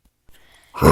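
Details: Single cough at the end of a VR gameplay recording: one short, harsh burst after faint background noise.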